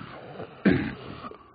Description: Es mi tos cuando estoy resfriiiiiiiiaaaaadoooooooooooo jojojojojo disfrutenla y divagenla